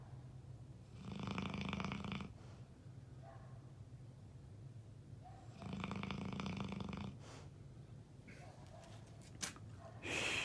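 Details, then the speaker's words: A pet dog, asleep, snoring heavily as it does almost all the time: two loud, buzzing snores about four seconds apart over low room hum. "my buddy sleeping there. He snores like crazy almost all the time."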